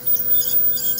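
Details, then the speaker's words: Ultrasonic dental scaler cleaning beneath the gum line (sulcus) of an anesthetized dog with stage one periodontal disease, cooled by distilled water: steady high-pitched hissing whine over low room hum. "underneath the gum line with this ultrasonic scaler is a vibration [Music] at the tip of this ultrasonic scaler and it gets very very hot so it's important for it to get cooled by the water"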